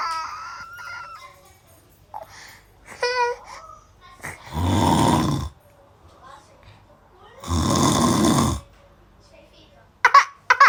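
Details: Snoring sound in a comedy clip, with laughter and a child reacting fearfully: snoring.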